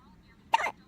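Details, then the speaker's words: Newborn baby with hiccups: a single brief, abrupt hiccup against quiet room noise. "You have more? Hiccup. Oh my. Another one? Oh. Hiccup."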